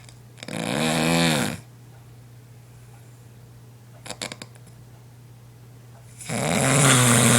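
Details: Adult recording their own sleep, previously unaware of snoring: loud rattling snores on inhalation separated by a quiet pause with a few brief clicks, over a low hum; heavy snoring.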